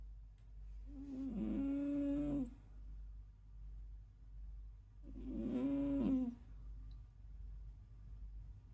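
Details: Loud snoring from a 13-year-old cat.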